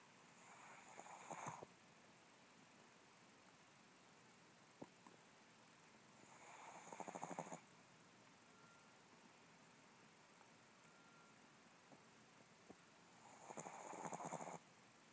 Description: Chihuahua snores when he sleeps.